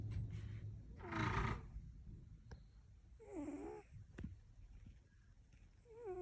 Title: Cutest Cat Snoring 😴